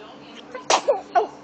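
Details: A single sharp, airy sneeze from an infant, followed by an adult softly saying "bless you" in a quiet room; sneeze.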